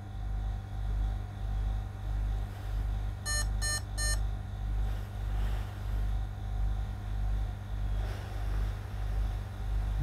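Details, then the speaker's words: BMC RESmart BiPAP YT-30 demonstration with no mask attached: three quick electronic beeps over steady hum, a low minute volume alarm that cleared when the outlet was blocked. "मैं आगे से block किया है इसको लो minute volume का alarm था"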